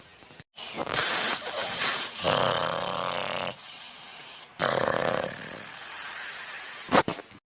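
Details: Acted snoring in a comedy skit: a woman asleep in the shade of a mango tree gives loud, exaggerated rasping snores, two long rattling inward breaths with a fluttering quality and quieter outflow between.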